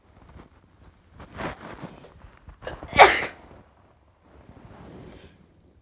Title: Sneeze 3 times